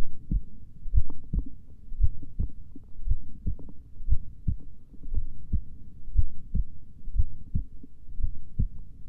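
Steady low thumping heartbeat at a slow rate, about 58 beats a minute, in a quiet low hum.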